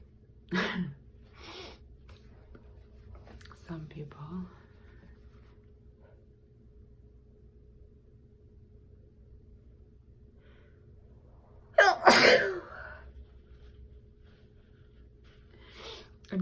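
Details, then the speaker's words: An adult gives one loud, sharp, explosive sneeze in a quiet room, with brief soft sounds before it. "be asking me like Oh sneeze this way sneeze this way like I get stifles or cover a non-covered in tissue"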